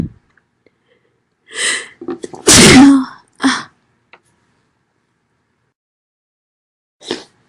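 Audible inhale and catching breaths building to one loud explosive sneeze, then a short exhale; an ordinary sneeze.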